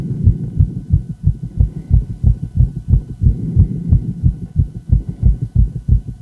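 Quick, steady, evenly spaced low heart thumps with a faint hum behind them, fitting a rapid heartbeat (tachycardia).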